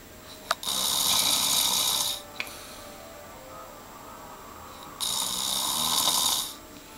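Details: Adult snoring: two long, harsh, rasping breath sounds a few seconds apart, with a quiet pause between; loud snoring.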